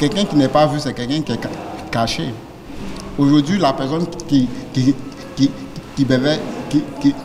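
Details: French-speaking speaker, likely a person who stutters from a national federation for people who stutter in Côte d'Ivoire, at a World Stuttering Day event; stuttering.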